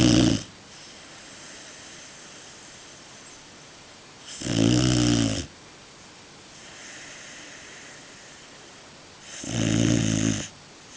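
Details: Greater Swiss Mountain Dog puppy, just turned 4 months old: loud, rattling snores about every five seconds with quiet breathing between; ordinary snoring.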